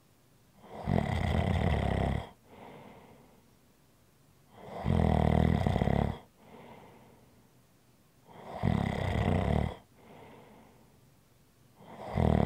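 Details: ASMR relaxation recording: loud rough snores on each breath in with softer breaths out, about 16 breaths a minute. Snoring.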